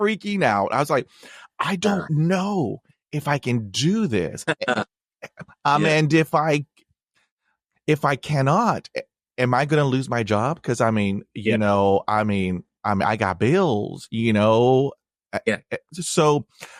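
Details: Man who has stuttered since childhood, with blocks and repetitions, speaking on a podcast; had speech therapy in 1975; long-standing avoidance of reading aloud and presentations; stuttering.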